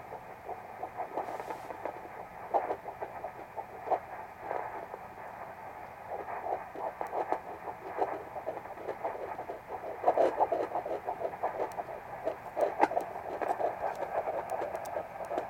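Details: Fetal heartbeat at 13 weeks of pregnancy on a home handheld Doppler: fast, regular whooshing pulses at about 175 a minute, a normal early-pregnancy fetal heartbeat.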